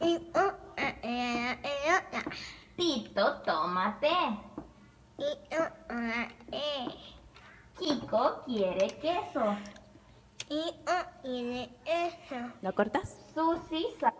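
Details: Patient with cleft palate repeating test phrases, showing backing of sounds with glottal and pharyngeal stops. Compensatory articulation (cleft palate speech).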